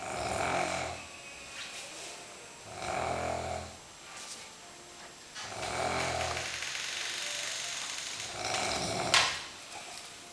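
Repeated rough, fluttering snores roughly every two to three seconds, somewhat irregular, in a quiet room: snoring.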